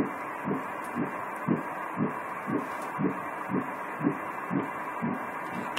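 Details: Early fetal heartbeat on Doppler ultrasound: regular, soft whooshing pulses at about 118 beats a minute.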